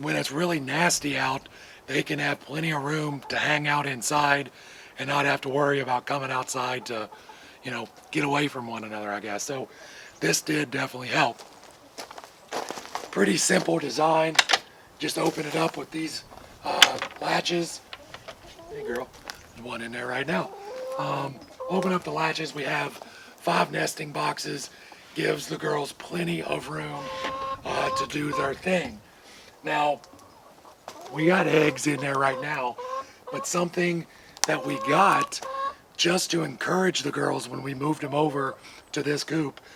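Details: Adult man with vocal cord paralysis caused by surgery that damaged throat nerves, paralyzing the muscles acting on his vocal cords; he says talking is hard and hopes it is temporary; vocal cord paralysis.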